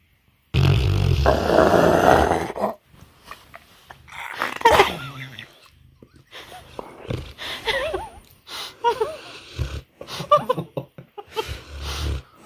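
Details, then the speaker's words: Sleeping Mastiff dog, very sleepy: a long rough rumbling snore likened to a failed chainsaw pull start, then irregular snorts, wheezy squeaks and fluttering breath noises; snoring. "That's like a failed pull start on my chainsaw."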